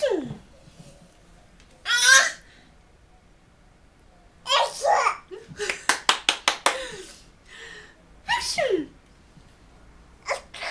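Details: A child copying her parents' sounds: several abrupt, explosive sneeze bursts, some a child's playful imitation of an adult's sneeze, with laughter and chatter between.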